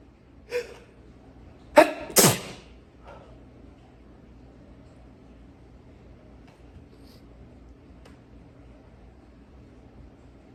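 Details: Adult's long sneezing fit: two loud, forceful sneezes in quick succession after a brief catching breath, then quiet.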